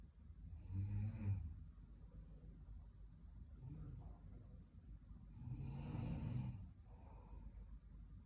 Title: Snoring Roommate|(kalayo rman unta sa among bed)